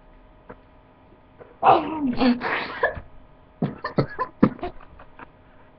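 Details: Irritant cough during a challenge of inhaling spray from aerosol cans: a gasping, gagging cough followed by a run of about six short, harsh coughs.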